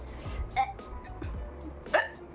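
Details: Woman with sudden, very strong hiccups: two or three brief, sharp throat catches over background music; hiccups.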